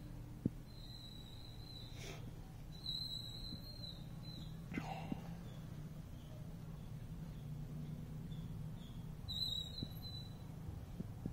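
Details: Low steady pump hum with intermittent high whistling air hiss as an 8-chamber leg compression boot system inflates and deflates its chambers in sequence, distal to proximal: pneumatic compression device cycling.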